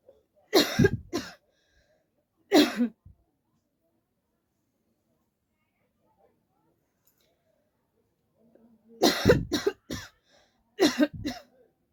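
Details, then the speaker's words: Three clusters of deliberate coughs, about seven sharp bursts in all, separated by long quiet gaps, performed as a coughing challenge; voluntary cough. "तो guys आज हम फिर से coughing challenge लेके आए हैं और कफिंग चैलेंज करने में मुझे बहुत मजा आता है"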